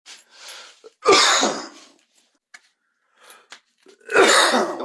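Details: Two harsh, forceful coughs with a rough, raspy edge and softer breathy sounds between, from a cough compilation; smoker's cough.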